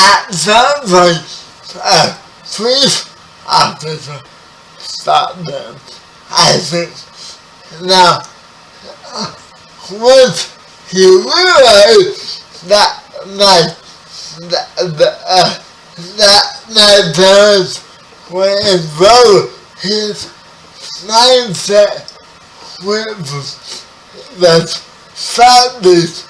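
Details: 30-year-old man with spastic quadriplegic cerebral palsy, born 11 weeks premature; speech affected by the condition; dysarthria (spastic, cerebral palsy).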